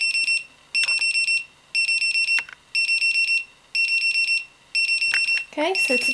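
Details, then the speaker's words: Snuza Hero MD baby breathing monitor, nappy-clip device, demonstrated off the baby on a flat surface: loud shrill electronic beeping in bursts about once a second, the apnoea alarm when no breathing movement is detected, while vibrating. "there's on both sides and then it's finished so that's the alarm it makes it's continues to vibrate even when it's making the really strong alarm"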